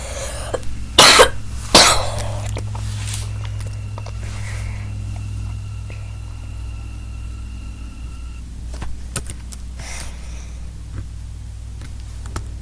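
Two loud, dry coughs close together, then game sounds and faint room noise.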